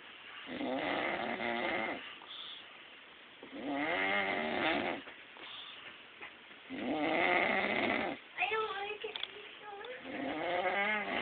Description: My brother in law again this time snoring